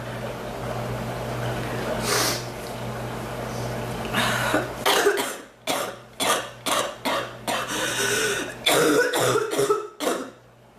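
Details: Woman whose cough hurts her back more than her chest, waxing and waning, feeling drier and letting up: a burst of about eight short, harsh coughs in quick succession after background noise; repeated coughing.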